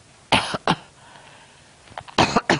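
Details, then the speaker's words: Elderly grandmother giving four short, harsh coughs in two pairs with a quiet pause between; she says the cough is partly from her medication. "what you coughing for I don't know it's the it's um medication too oh"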